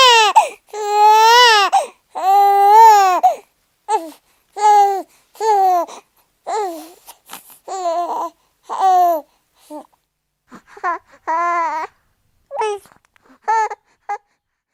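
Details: Newborn crying in repeated high-pitched wails, long loud cries at first and shorter, softer bursts later, from a sound-effects recording; infant crying.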